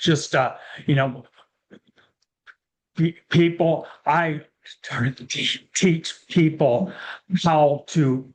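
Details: Real aphasia after a stroke in a male speaker who says that long ago he could not speak at all.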